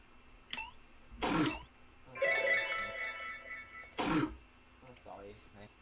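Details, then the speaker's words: Adult sneezing, heard while watching a clip of himself: two sharp, explosive sneezes with brief music between them. "oh and that was me sneezing"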